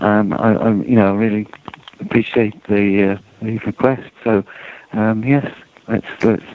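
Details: Adult male speaker; Normal conversational speech.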